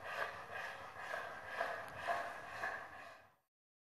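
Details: 10-year-old German Shorthaired Pointer (Kurzhaar) in severe respiratory crisis with dyspnoea and polypnoea: fast, harsh, high-pitched inspiratory stridor; endoscopy showed bilateral arytenoid paralysis with laryngeal oedema, hyperaemia and mucosal irregularity.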